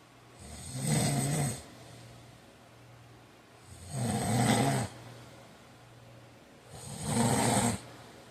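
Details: Snoring during sleep: three regular, rough snores on inhalation, about 19 a minute, with quieter exhalations between.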